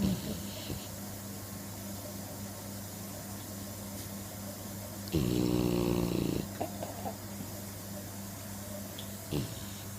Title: The Snoring Staffy